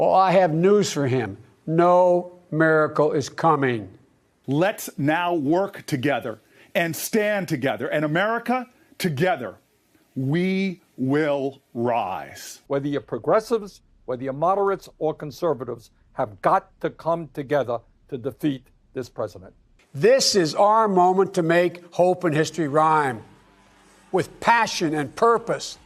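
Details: Adult male speaker addressing an audience; normal speech.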